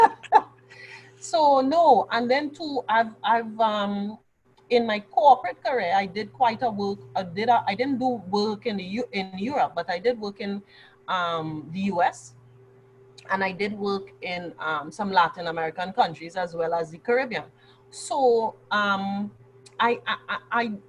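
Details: Mild stuttering (stammering) in an adult woman who has stammered since childhood; she reports she has largely gained control of it, and says any remaining stammer is now mostly habitual rather than caused by nerves.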